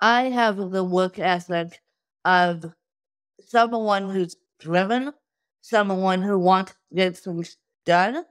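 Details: Adult woman with cerebral palsy from birth due to lack of oxygen at birth, a wheelchair user with difficulty speaking, sitting up and eating who tires easily; dysarthria (cerebral palsy).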